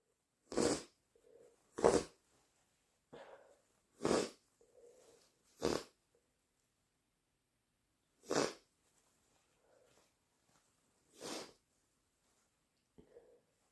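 Six sharp, explosive sneezes at irregular intervals, with short wet sniffles between them; repeated sneezing brought on by sneezing powder.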